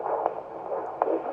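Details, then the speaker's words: Normal fetal heart tones on Doppler, with the probe placed low on the pregnant abdomen: rapid whooshing pulses at about 150–160 per minute, a rate called perfect for the baby's age. "How fast is it going? 150, 155, 160, which is perfect for a baby this age. Mm-hmm. Yeah, it sounds great."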